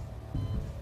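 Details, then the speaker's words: A single dull, low thump of an amplified adult heartbeat over low rumbling, a game-show contestant's heartbeat monitored live; resting heart rate measured at 73. "all right well good luck tonight you're playing for 50,000 lb now that sound you hear is your heartbeat"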